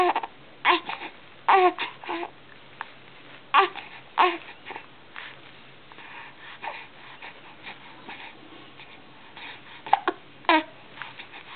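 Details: Repeated short, abrupt hiccups at irregular intervals with soft babbling from a two-month-old baby in a quiet room; infant hiccups.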